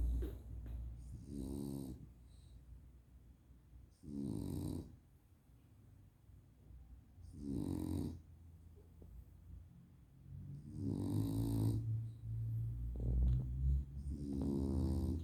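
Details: Sleeping dog with rhythmic, rattling snores about every three seconds, with a fluttering, buzzy quality on each breath; snoring.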